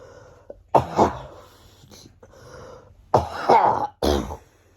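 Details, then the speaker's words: Two short groups of loose, throaty coughs, four bursts in all, from a schoolchild's lingering cough in its final stage, about three weeks after illness began: resolving cough. "this cough has nearly gone but yeah I'm on the final like stage of this cough"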